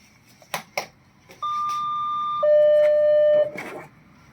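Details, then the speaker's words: RF plasma surgical system for spinal endoscopy, demonstration: a few handling clicks, then two steady electronic tones stepping from higher to lower as the device is turned on; power-on signal. "Pedal. Turn on the device."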